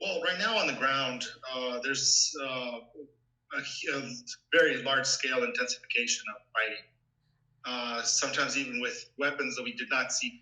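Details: Adult male speaker; Normal speech.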